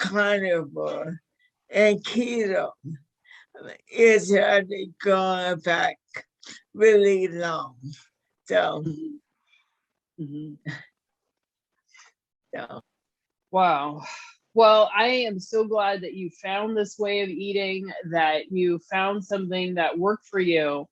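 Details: 61-year-old woman with motor neuron disease diagnosed five years earlier, with a 2–5 year prognosis at diagnosis; slurred speech was an early symptom with falls and weight loss, and severity varies day to day; managed with a carnivore diet; dysarthria.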